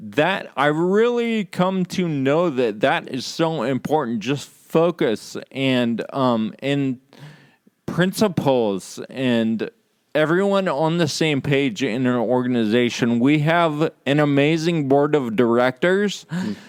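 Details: Adult man with Friedreich's ataxia, which causes slurred speech said to be audible in his talk; ataxic dysarthria due to Friedreich's ataxia.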